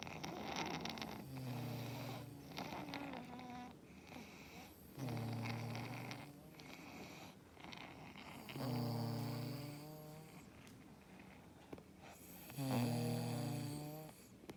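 Loud, rough, low-pitched snoring with each breath in, about 16 breaths a minute, and quieter breathing out between snores.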